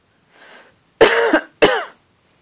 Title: Sleeping cat responding to cough